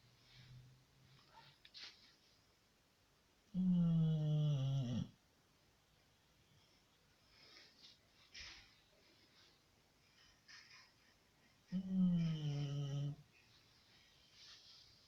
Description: Misha the Staffordshire bull terrior who snores like a human.